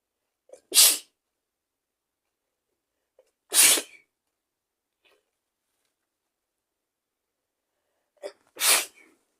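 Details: Three rapid, sharp, explosive sneezes, each preceded by a brief in-breath, in a quiet room; attributed to a cold.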